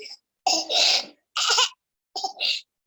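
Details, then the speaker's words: Harsh, brassy cough bursts with noisy breathing in both inspiration and expiration from a patient with an airway foreign body: biphasic stridor with a tracheal-type cough. "lo que yo les decía de El estridor de tipo bifásico fíjense que tiene los dos tiempos respiratorios"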